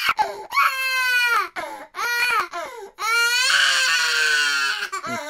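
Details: Recorded baby crying sound effect played by a UiPath robot when a USB drive is removed: loud, high-pitched infant wailing in repeated bursts with brief gaps.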